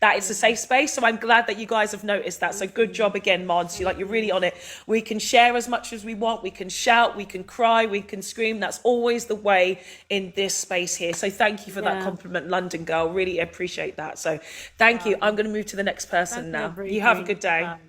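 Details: Adult woman speaking; ordinary speech.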